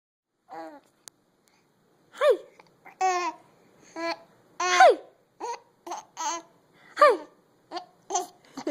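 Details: Baby laughing: short, abrupt, squeaky voiced bursts mixed with giggly laughter, some catching like hiccups, about a dozen in eight seconds; hiccups.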